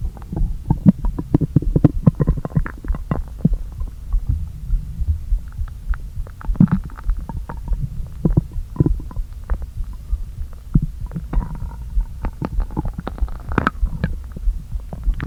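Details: Stomach noises after not eating all day, with the stomach deliberately inflated a little: low hollow rumbling and gurgling with irregular pops and squeaks of gas pushed back and forth; borborygmi.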